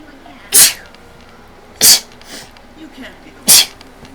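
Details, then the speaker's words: Three sharp, explosive sneezes in about four seconds with quiet room noise between them; the person sneezes repeatedly. "I kind of have to sneeze again."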